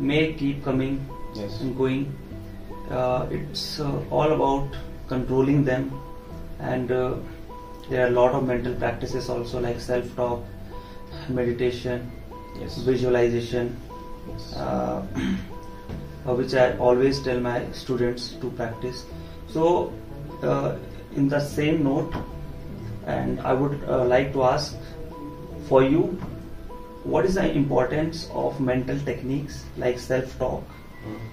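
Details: Adult male speaker; typical speech.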